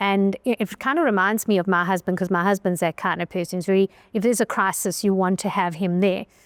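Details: Adult woman speaking; ordinary speech.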